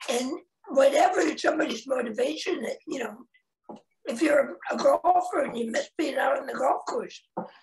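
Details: Real adult man, a head and neck cancer survivor, 25 years after a total laryngectomy in 1996 at age 41, with a primary tracheoesophageal puncture and secondary prosthesis placement; tracheoesophageal speech.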